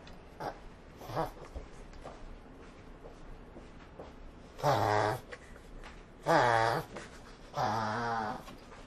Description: Prince Giovanni the Pug Reverse Sneezing